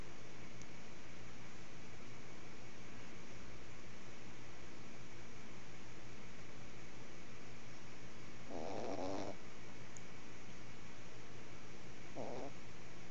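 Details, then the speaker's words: Snoring: two brief, rough snoring breaths over a steady low background hum. "You're snoring. You ain't on your stuffy. You're snoring your head off."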